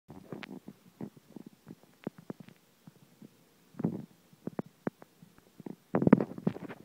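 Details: Stomach rumbling heard while the belly is rubbed: irregular gurgling and bubbling bursts, ordinary digestive bowel sounds.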